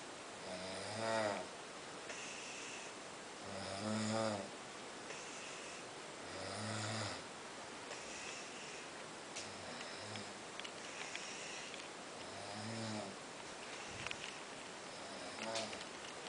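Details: Ordinary snoring in a sleeper: rough, rattling snores repeating every few seconds, about five in the stretch, with quiet room noise between.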